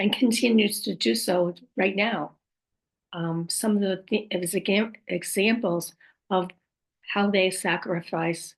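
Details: Adult woman speaking; post-stroke aphasia with apraxia of speech and dysarthria.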